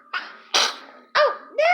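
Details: Little girl sneezing while eating and talking.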